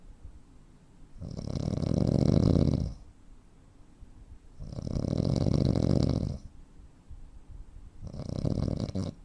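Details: 43-year-old man, 85 kg, 165 cm, with sleep apnea: long, loud, rumbling snores roughly every three seconds, with quieter breaths between and the breathing pauses typical of sleep apnea.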